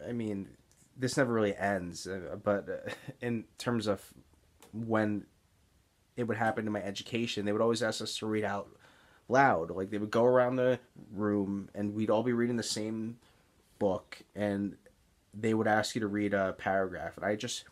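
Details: Stuttering (speech blocks) in an adult man with Tourette's syndrome, disfluent since middle school, with blocks heard as excess pausing mid-sentence and particular trouble on S-initial words; real blocks while speaking.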